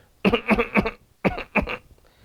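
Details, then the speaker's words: An adult imitates a Rumex-type dry tickling cough, a constant tickling in the larynx with the cough, in short, light coughs in two quick runs of three and two: tickling cough. "So that's a tickling in the larynx, and that's constantly associated with the cough. So that's a constant tickling."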